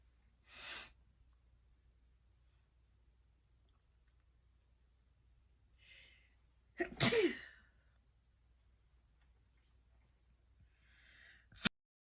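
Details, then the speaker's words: Sneeze induced by Chhinkni sneezing powder: a quick inward catch, then a single sharp sneeze, with a few soft sniffs and breaths in a quiet room; sneezing. "Gonna put this on this plate. Have this Chinictini powder. It's bound to make me sneeze."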